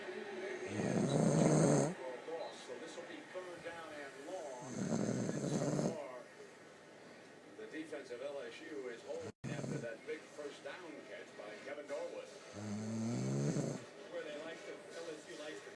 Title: Snore A Lot